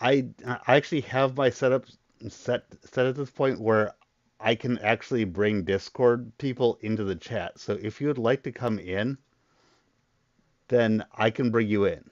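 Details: Stuttering in an adult man who describes a very large stutter he controls to a degree after a lot of voice therapy, though he still stutters.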